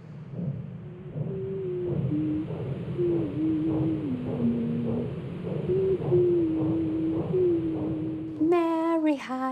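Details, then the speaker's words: Intrauterine hydrophone recording of uterine artery blood flow inside the womb: a regular rhythmic whooshing of blood, with a woman's singing voice beside the mother heard muffled over it. "ce qu'on entend qui sait le bruit régulier du sang qui circule parle artères utérines c'est comme ça que la nature nous permet de nous développer en étant entouré de rythme"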